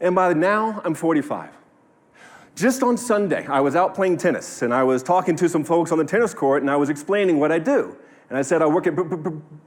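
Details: 45-year-old man, stuttering since childhood, now minimized with learned techniques but still present, speaking at a live talk; stuttering.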